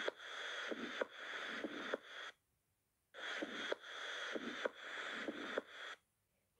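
Sharp, crisp clicking heart sounds over a hissing flow noise, typical of a mechanical prosthetic valve.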